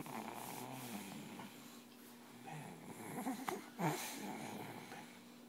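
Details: Sleeping dog snoring: soft, irregular snuffling breaths with a brief louder snort near the end.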